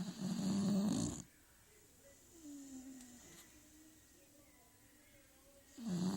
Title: Beagle snoring